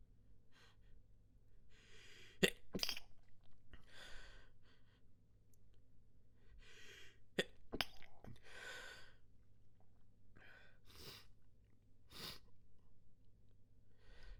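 Repeated breathy inhalations each ending in a sharp, held-back burst, several in a row: a fit of stifled sneezes.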